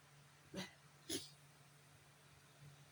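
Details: Pair of quick, sharp sneezes about half a second apart in a quiet room, during a bad allergy day.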